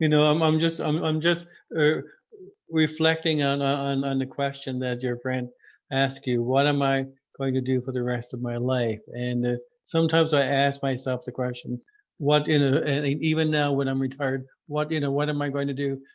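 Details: Adult male speaker; typical speech.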